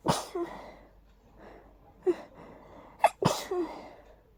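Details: A run of three or four hay fever sneezes, each preceded by a sharp intake of breath; a mild but very tickly sneezing fit.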